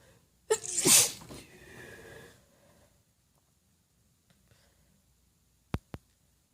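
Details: One quiet, stifled sneeze from a female, held back because others are asleep: a brief intake, then a hushed burst of air.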